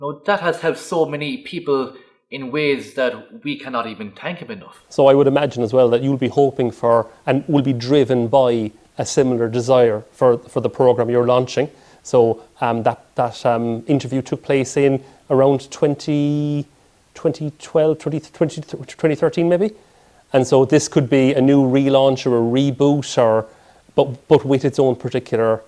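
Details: Adult male speaker; typical speech.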